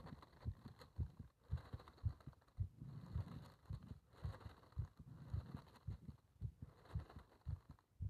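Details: Regular low heart thumps at about 110 beats a minute under breathing noise, recorded during bag rebreathing (part one); a fast heartbeat.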